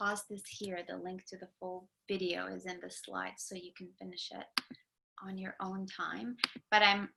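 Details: Adult lecturer; Normal speech.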